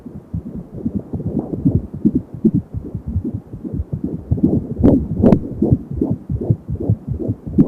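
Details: Rapid, regular galloping thumps of a fetal heartbeat at 28 weeks of pregnancy, about 170 a minute on an Angel Sound home fetal Doppler, with a soft whooshing undertone said to be umbilical cord sound.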